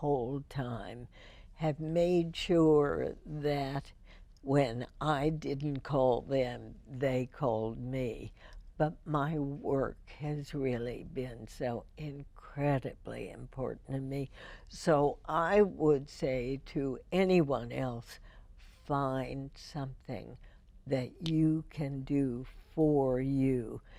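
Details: Spasmodic dysphonia in a woman, diagnosed in 1998, treated every four months with botulinum toxin injections into the vocal cords.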